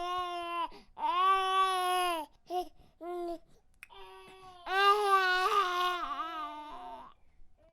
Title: Baby Cry sound effects